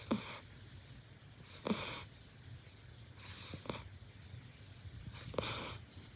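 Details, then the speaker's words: A female puppy, tired after a morning walk, sleeps in the owner's bed, giving short, light snuffling nasal snorts about every two seconds in a quiet room: puppy snoring. "Puppy walk completed! Winter is snoring lol You, snoring puppy BTW, why are you sleeping in my bed?"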